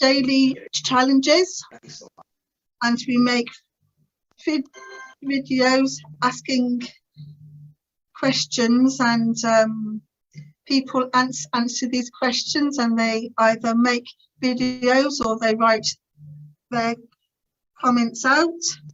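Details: Adult woman's stuttering (stammer) since about age three, severe through her teens and adult life; now has some control after the Starfish Project speech therapy course.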